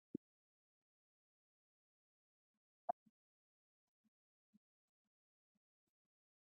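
Faint, low-pitched heart thumps with an extra early diastolic sound, a third heart sound (S3) gallop.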